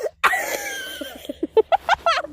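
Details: A rapid run of short, voiced, high-pitched coughs following one harsh opening burst; cough.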